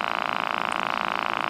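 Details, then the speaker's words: Automatic wrist blood pressure cuff inflating on an adult man taking blood pressure medicine, after moving about with his arm unsupported: a steady buzzing pump hum; the reading came out high at 158/111. "it's somehow makes it fill up with air and squeeze my wrist I know it sounds rude at first then it sounds like a cat cing"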